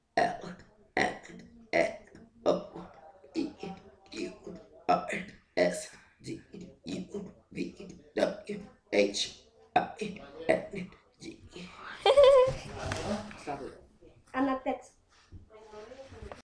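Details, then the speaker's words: Two cousins deliberately burping the ABCs: a run of repeated short, voiced belches shaped into letter sounds, with a few spoken words near the end. "okay so my cousins they're going to do the um ABCs but burping it's going to be and um"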